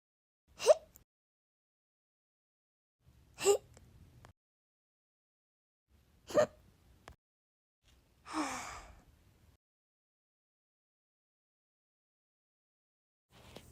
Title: Tulip’s hiccup compilation 💖